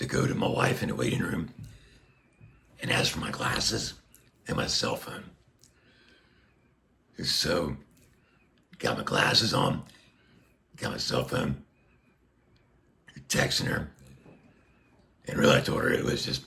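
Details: Adult man speaking through a Passy-Muir one-way speaking valve on a tracheostomy tube, tracheotomy for neck cancer under a year ago; he reports restrictive, squeezing vocal cords and getting winded.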